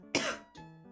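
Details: During a crafting livestream, an adult gives one sharp, forceful cough, then a softer second cough or throat clear, over quiet background music: an adult cough.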